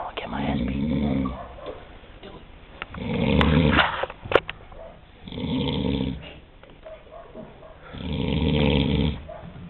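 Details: Adult man (camp counselor) snoring about five minutes after lights out, filmed in the dark: loud, rumbling, snorting breaths in a steady rhythm, about four in ten seconds.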